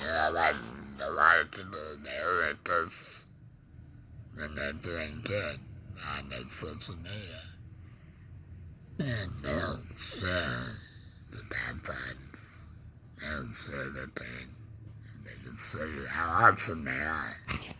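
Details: Adult man, laryngectomee neck breather with a stoma after cancer (tongue cancer tagged), with tongue pain, speaking in real connected speech; alaryngeal speech after laryngectomy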